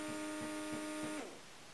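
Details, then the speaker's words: Compact portable breast pump (Motif Duo or Baby Buddha comparison) switched to expression mode with the suction dial: loud, steady electric motor buzz with a faint rhythmic pulse, cutting off after about a second. "the only thing is that this little dial turns the suction up and down and if you click it you go to expression mode it's pretty loud that's the only thing"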